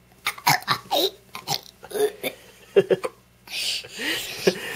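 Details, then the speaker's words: Young boy burping voluntarily on demand: several short, low, voiced gulping bursts followed by longer rough belches, some noisy exhalation at the end. "dude and you can just do that anytime you want you can just make yourself burp that's disgusting"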